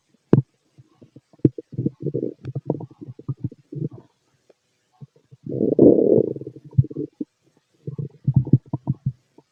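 Bursts of gurgling, rumbling abdominal noise with clicks between them; ordinary bowel sounds of a stomach growling.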